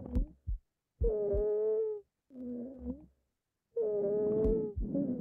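Simulator lung sounds: repeated high, musical whistling tones lasting about a second each, recurring with each breath phase, with no other breath sounds heard. Wheeze on both sides.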